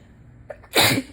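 A short in-breath, then one loud explosive sneeze burst.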